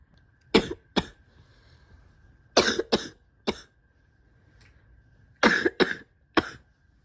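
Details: About ten harsh, loose, wet chesty coughs in short bursts from an adult with asthma, allergies and chronic bronchitis, sick after days of throat tightness and a tickly cough; wet cough.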